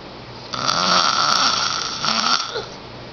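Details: Ten-year-old boy snoring, loud enough to be heard down the hall through a closed door: two loud, rough, rattling breaths during sleep with a raspy buzz on breathing in; snoring.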